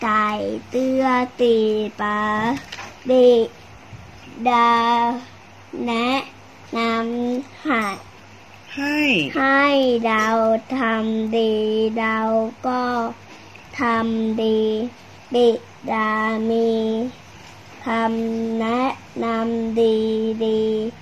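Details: Young child reading aloud; speech of a child with cochlear implants.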